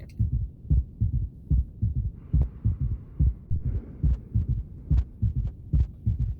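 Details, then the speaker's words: Third heart sound (S3, ventricular gallop) in heart failure, low-frequency and best heard with the stethoscope bell: regular heart sounds near 72 a minute with an extra soft early-diastolic thud. "lo bien ese es el tercer ruido o galope ventricular"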